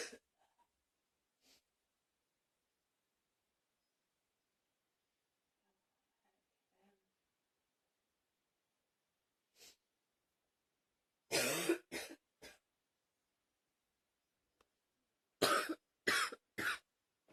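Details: Repeated coughing with pained "ow" sounds before it: a mostly quiet room with faint breaths, then two clusters of abrupt explosive coughs, about seven in all, in short runs.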